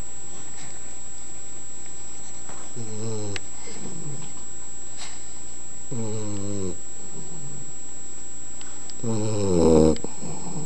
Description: Henley, our 11 wk old boxer puppy snoring!